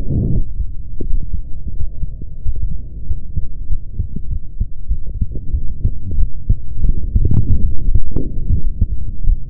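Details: Recording of one's own heartbeat: a steady low thumping at roughly 90 beats a minute, with a faint background hum.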